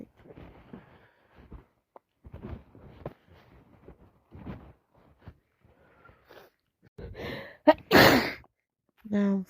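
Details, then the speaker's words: Day 2 of a heavy head cold with runny, blocked nose and itchy sneezing: quiet sniffing and breathy noises build to one forceful sneeze, then a brief voiced sound. "Anyway, half the work force have come down with it now. I don't think anyone is sneezing as much as me, but some of them are sneezing loads."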